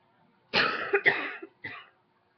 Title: Coughing # 9